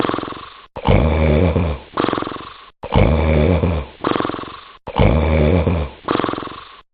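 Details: Loud, rough, fluttering snores in a steady rhythm, about 29 per minute, each breath in and out rattling, from a sleeper; heavy snoring.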